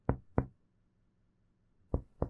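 Three short percussion taps over the lower lateral chest, the later ones flat and dull: normal hepatic dullness at about the ninth intercostal space.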